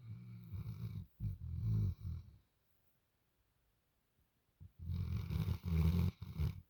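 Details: Sleeping dog snoring: deep, rumbling snorts in two bursts separated by a quiet pause.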